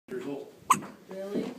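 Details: Hiccups after Thanksgiving dinner: a single sharp, abrupt hiccup between two stretches of voiced sound in a small room.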